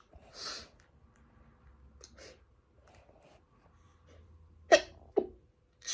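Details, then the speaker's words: Short stifled sneezing fit: quiet breaths and sniffs, then two short, sharp stifled sneezes in quick succession. "i'm gonna sneeze sneeze"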